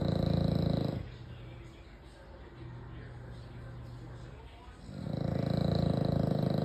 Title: American bully snoring very loud 🤣 #americanbully #mybabydog #shorts #funnydogs